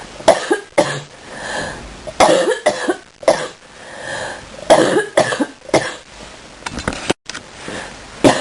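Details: Morning cough in bed with sneezing too: repeated loud, harsh cough bursts in clusters over about eight seconds with short pauses between bouts.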